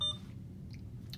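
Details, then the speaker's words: Nursing school IV lab training, programming a secondary infusion of ceftriaxone 2 g in a 50 mL bag from the drug list: brief high infusion pump key-press beep, then faint room hum; normal keypad feedback. "we will page down until we find SEP tree exone press there and it has preset dosage and MS"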